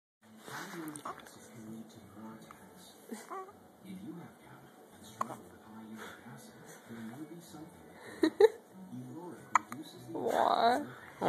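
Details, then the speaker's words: Infant hiccups: a few short, sharp catches from a baby under an adult's soft talking. "do you have the hiccups, buddy? Oh, you got the hiccups."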